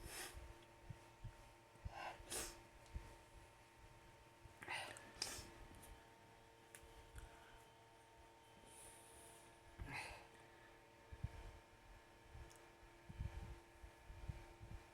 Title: Sneezing on the bed #sneeze #sneezy #allergy #nonstopsneezing